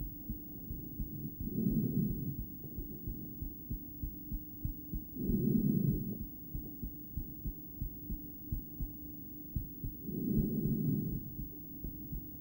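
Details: Female heart heard through a poorly placed stethoscope after breath play, going intermittently into bigeminal rhythm: muffled beats in irregular pairs with a long pause, loud breathing noise over them.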